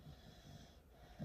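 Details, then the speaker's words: A sleeping pet dog, exhausted after an outing, makes soft, low, rumbling nasal breaths with faint room noise. This is snoring. "you hear her snoring? They are absolutely out of the out of the count."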